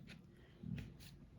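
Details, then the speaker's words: Brief soft low rumble of the speaker's own stomach growling mid-sentence in a quiet room: ordinary stomach growling (borborygmi), a normal digestive sound. "hear my stomach growling wow"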